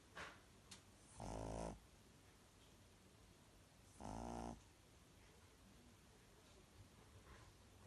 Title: Baby Casper the pug snoring